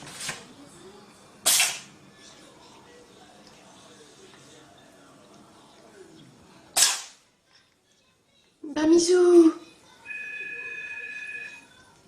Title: коты чихаю/cats sneeze